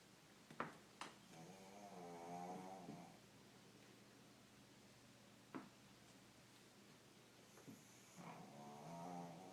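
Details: 13-year-old pug snoring, said to be louder than a human: two soft, buzzing, wavering snores about six seconds apart with small clicks between, in a quiet room; snoring.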